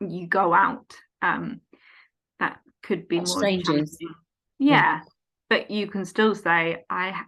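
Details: Adult woman, 14 years after a stroke at age 18, with post-stroke aphasia affecting speech, reading, writing and understanding numbers; aphasia.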